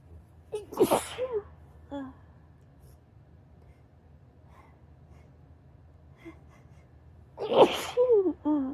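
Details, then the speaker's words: Sneezing first thing in the morning in bed, with a stuffy, tickly nose and possible allergies: two forceful sneezes, each with a sharp intake before the burst and a trailing voiced sound. "But my nose is so stuffy. It's so tickly. I keep feeling like I'm going to sneeze."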